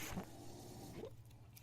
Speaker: that noise you're hearing is my ventilator